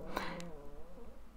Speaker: if you can hear my stomach rumbling it's rumbling really loud instead of burps now you get stomach rumbles